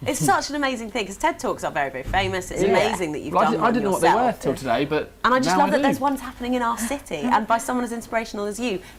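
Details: Adult woman (interviewer); typical speech.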